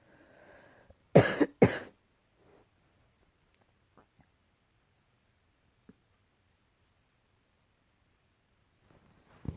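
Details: Cat coughing, tagged as allergy-related: two sharp, harsh coughs in quick succession, then a quiet room with faint small noises.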